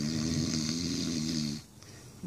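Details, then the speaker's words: A loud, rough, buzzing snore lasting about a second and a half, then quiet, ordinary snoring from an adult husband asleep, getting louder as his wife talks to him. "sounds like you've heard me subconsciously because your snoring is getting louder I hope it's only subconsciously because I wouldn't want to say this to you when you're awake"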